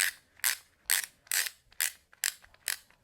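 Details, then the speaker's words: Turning the dial of an EXOS BOA removable wrist cast to tighten it, worn for a left distal radial wrist fracture about three weeks after injury and two weeks after surgery: quick run of sharp, bright ratchet clicks, about seven in three seconds. "then you take this little half moon and slide it back until it's even and then push it down and then slowly tighten it as such so you can tighten it to where it's comfortable"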